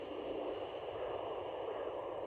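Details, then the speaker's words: Steady soft whooshing like wind through trees, from placental blood flow heard on a home fetal Doppler at about eight weeks of pregnancy, used to find the right spot before locating the baby's heartbeat. "i listen until i can hear the placental sounds which basically sounds like um like you're in the woods and there's like wind blowing through the trees"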